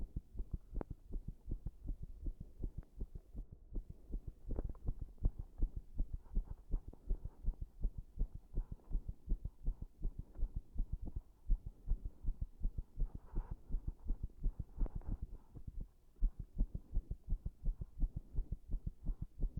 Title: 圧迫で不整脈出してる心音 Heart sounds showing arrhythmia due to compression